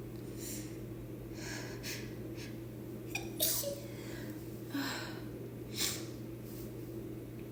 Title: girly sneezes again